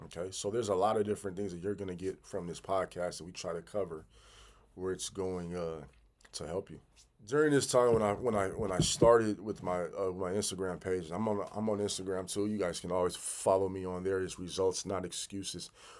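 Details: Stuttering in an adult man who has stuttered severely since childhood, with sound and word repetitions and fillers.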